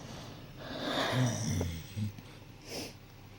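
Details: A sleeping dog, possibly dreaming, after a long day: a loud snorting, rattling breath, then a couple of short snorts and a soft sniff.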